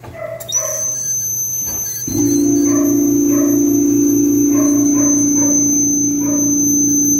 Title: Dolby dental ultra scale and probe